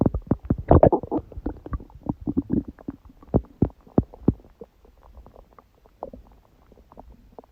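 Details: Busy bubbling gurgles and squelches, loud then fading, recorded at 1:30 am after eating too much udon at 19:30; owner suspects a reaction to gluten after a long break: active stomach growling (borborygmi).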